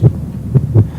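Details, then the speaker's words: Children's educational story: a sick child with a fever of 102.2 °F, his heartbeat compared with his healthy one, gives rapid, deep heartbeat thumps close together, a fast heart rate. "listen this is the sound of Paul's heartbeat when he's healthy I see and this is Paul's heartbeat when he's sick wow so fast"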